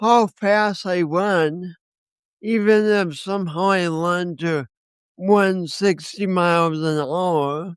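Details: Man with a speech impediment accompanied by coordination issues, which he says he has not overcome; speech impediment.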